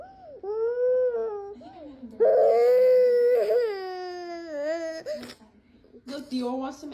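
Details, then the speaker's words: Young child crying while a cat hugs them: loud, sustained wailing with rising and falling pitch and breaks between cries. "to make sure you're okay she hears you crying and she's worried about you see"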